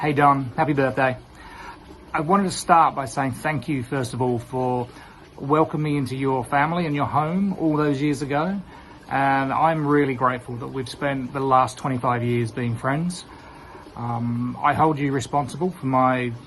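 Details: Adult male speaker; normal voice.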